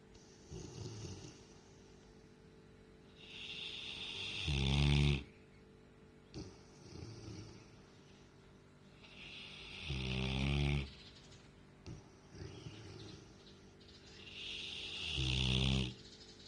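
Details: Sleeping girl: three loud, rattling snores on the in-breath, about 11 breaths a minute, separated by quieter out-breaths; snoring.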